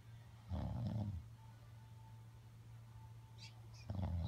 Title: Snoring grandma # jctg try not to laugh